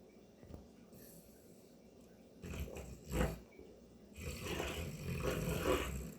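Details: Dog snoring loudly while asleep during the day: rough, snorting breaths with a growly rattle, building louder over a few cycles in a quiet room.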